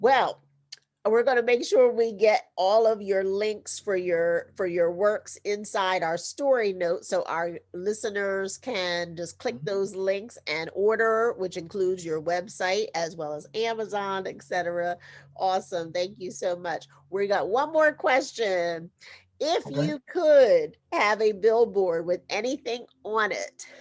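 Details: Adult speaker; normal speech.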